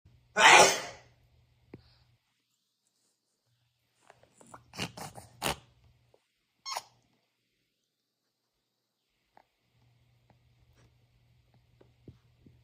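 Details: Older brother, 14 years older, gives one sudden loud sneeze that startles his baby brother into crying, then brief faint sounds and quiet; a single sneeze.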